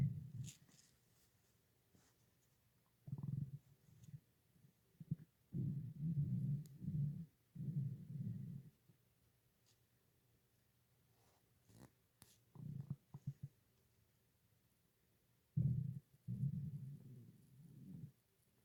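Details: Irregular low gurgling abdominal rumbles: stomach growling (borborygmi).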